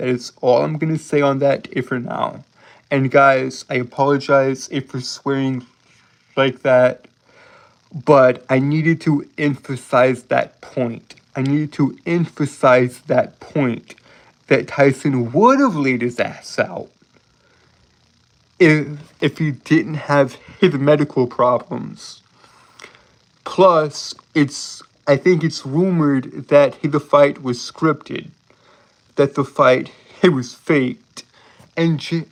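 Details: Adult male streamer with a self-reported speech impediment causing stuttering and tripping over words, with frequent phrase repetitions; stuttering.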